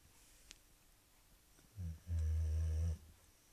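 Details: Sleeping boxer dog Omi snoring: two low, rumbling snores, the second long and buzzing, over quiet room noise; ordinary snoring.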